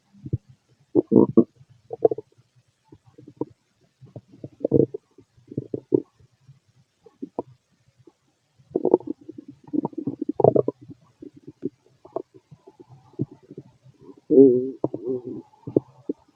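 Frequent short gurgles, bubbling pops and low rumbles in irregular clusters; normal gut sounds.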